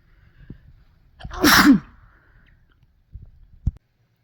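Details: A single forceful sneeze with a quick in-breath before it, then a soft sniff, from a sneeze compilation recorded mostly while sick with a cold; some sneezes induced.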